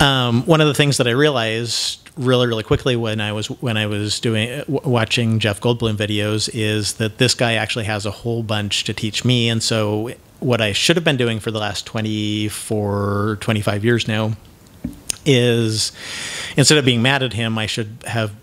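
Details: Adult man who self-identifies as having cluttering, real cluttering.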